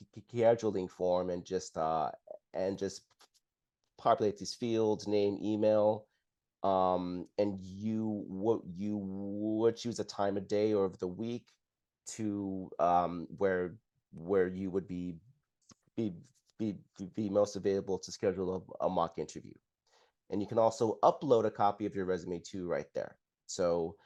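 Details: Adult man who identifies as a person who stutters and describes having blocks and repetitions; real, non-acted speech showing stuttering.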